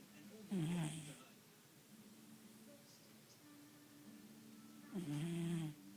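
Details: Pet dog asleep on a person's arm, snoring: two loud, rumbling, slightly squeaky snores about four seconds apart, with quieter breathing between.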